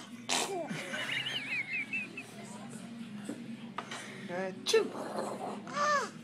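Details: Young girl copying her father's fake sneezes; a sharp burst near the start, then further bursts, mixed with voices and room noise; imitated sneezing.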